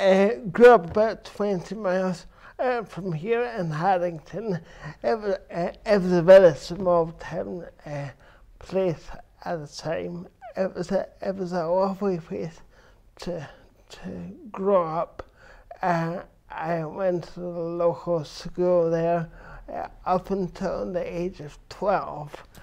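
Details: Adult man with cerebral palsy since birth, which he says affects his verbal communication, balance and coordination; dysarthria (cerebral palsy).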